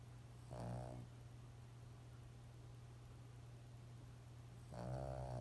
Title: Lhasa apso snores